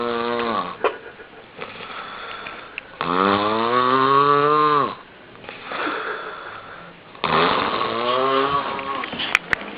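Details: Snoring.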